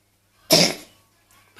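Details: Child, whom the parent plans to take to the doctor, gives one sharp, explosive cough with a brief trailing breath in a quiet room.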